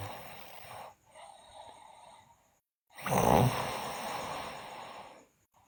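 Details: Sleeping girl snoring: two breaths in a quiet room, the second a loud, rough, rattling snore on inhalation: snoring.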